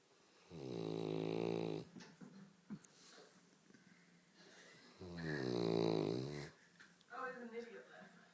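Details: Loud rattling buzzy snores about four seconds apart from a sleeping St Bernard dog, quiet breathing between; snoring.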